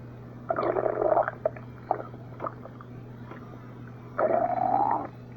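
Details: Stomach growling (borborygmi), recurring: gurgling, squeaky rumbles in bursts with rising pitch, steady low hum in background.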